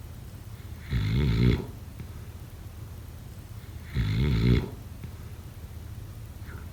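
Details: Snoring during sleep: loud, rough snores on each in-breath, about 20 breaths a minute, quiet between.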